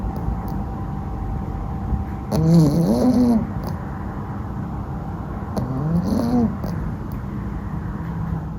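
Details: A sleeping female Cavalier puppy snoring: two rattling, rising snores about three seconds apart over steady room hum.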